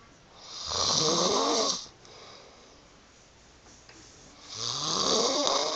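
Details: Chronic snoring in a sleeping woman with loose "fish" lips, filmed to show her odd sleeping style: long, loud snores with a flapping, fluttering lip quality, separated by quiet pauses; snoring.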